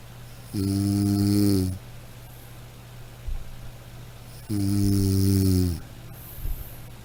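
Two long, buzzing, droning snores with soft breathing between them. Steady, loud snoring during sleep.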